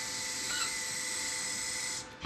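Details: Steady high-pitched whine of a powered surgical drill running about two seconds, then stopping, as a wire is drilled through bone to set up a tunnel in a posterior cruciate ligament reconstruction on a human specimen.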